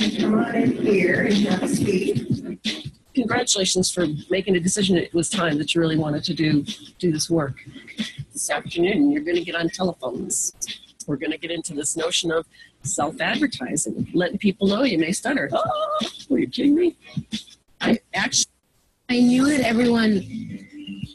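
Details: Adult speaker; normal speech.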